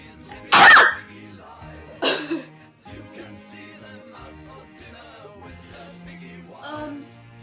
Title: Cat allergies sneeze attack